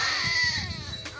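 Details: Short, high, strained wail of a 23-day-old baby boy, a hungry fussing cry; wants formula (Lactum), refusing mother's milk.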